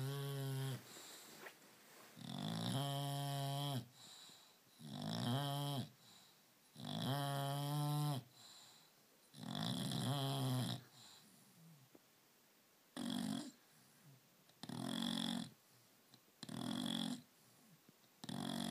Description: Brando, bulldog inglese di 9 mesi che dorme e russa come una locomotiva.